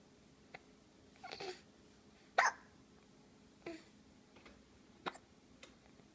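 Quiet room hum with several short, sharp, irregular gulping hiccups, about five in six seconds.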